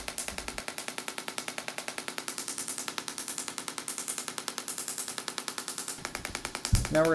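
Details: Rapid steady clicking pulses, about three per second, from a shockwave therapy device applied to the side and top of the shoulder for chronic rotator cuff (supraspinatus) tendinosis; shockwave device in operation.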